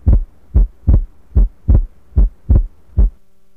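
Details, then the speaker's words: Simulated heart murmur in a Second Life cardiac auscultation training sim, one of three ill patients in exam room 2. "This is exam room 2. Here we have 3 patients who are ill. Listen to the heart sounds for each condition."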